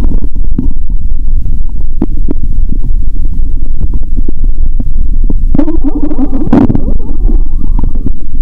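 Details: Stethoscope pressed firmly; watery sounds, stomach audible even near the heart: deep loud rumbling and gurgling with a brief higher squeal; bowel sounds (borborygmi).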